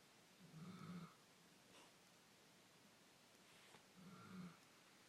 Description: scout asleep snoring